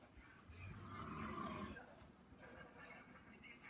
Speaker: That's my dad snoring. It's watching some show. It's snoring so loud.